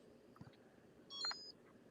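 A brief high electronic beep over quiet room noise as a glucose sensor is scanned.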